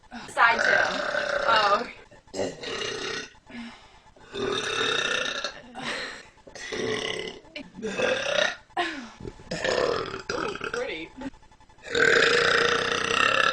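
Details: A run of long, loud, voiced belches, one after another with brief pauses; repeated burping.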